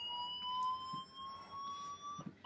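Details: Manual defibrillator charged alarm during a cardiac arrest resuscitation.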